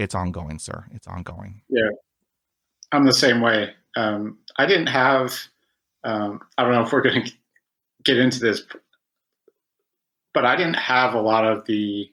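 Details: Adult man who stutters, stuttering since about age five, with about 20 years of speech therapy; stuttering.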